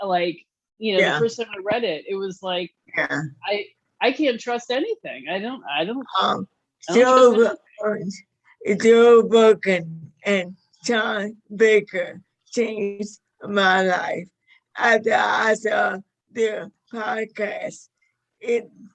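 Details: 61-year-old woman with motor neuron disease diagnosed five years earlier, with a 2–5 year prognosis at diagnosis; severity varies day to day; managed with a carnivore diet; dysarthria.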